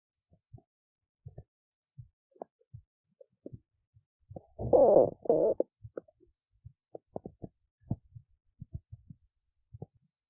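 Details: Adult woman's stomach after skipping lunch: scattered soft gurgles and pops with a louder prolonged rumble in the middle, ordinary hunger rumbling (borborygmi).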